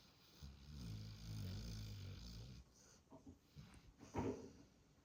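A long, low, rumbling snore from a sleeping dog, followed by softer snuffling breaths.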